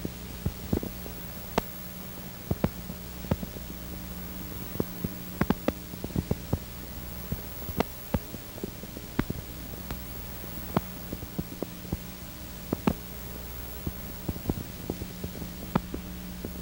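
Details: Teaching recording of fasciculation potentials on needle EMG: irregular, scattered sharp pops over a steady low hum. These are seen in normal muscle and in anterior horn cell disease, cervical spondylotic myelopathy, radiculopathy and demyelinating neuropathy.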